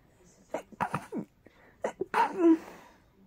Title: More teasing rapid sneezes